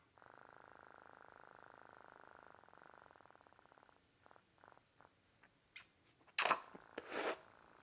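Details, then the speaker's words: Somnix iNAP intermittent negative air pressure oral device, an obstructive sleep apnea treatment, switched on while worn. A quiet buzzing pump hum slows into separate pulses, then handling clicks, as it suctions the mouth closed and pulls the soft palate, uvula and tongue forward. "i turn it on and i have to assist it in suctioning my mouth closed what it's going to do it's going to pull all my soft tissue so my soft palate my uvula in my tongue it's going to pull all of that forward as it sucks the air out of my mouth basically vacuum sealing it"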